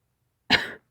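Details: Acted roleplay of a girlfriend who caught a cold from her boyfriend: a single short, harsh cough, close to a throat clear.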